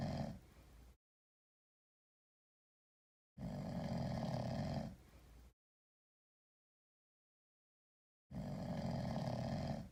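Deep, rumbling, human-like snoring breaths with silent gaps between them, about every 4 to 5 seconds; a cat snoring while asleep.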